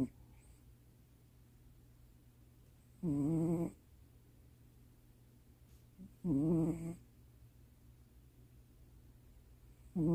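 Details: Male cat asleep in owner's lap late at night gives short, buzzy, fluttering snores about every three seconds, roughly 18 a minute, over a steady low room hum; snoring.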